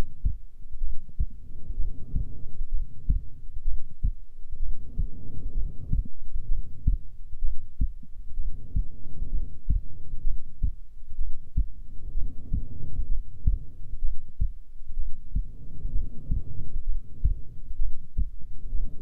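Steady low muffled thumps under a soft rumbling background: a normal resting heartbeat.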